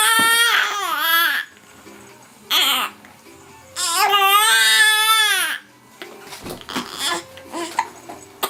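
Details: Three bursts of high-pitched infant crying separated by pauses, with fussing sounds and quiet room noise between them, in an infant with hiccups: infant cry.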